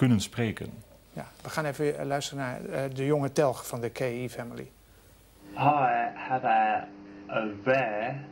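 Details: Adult male speaker; normal speech.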